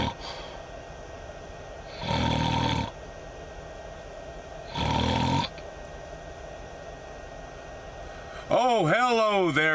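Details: Simulated snoring in a comedy parody by a truck driver: two loud, rasping snores over steady room hum, then a drawn-out vocal sound; acted snoring.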